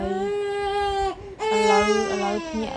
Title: Baby crying,So cute 😍#support #cutebaby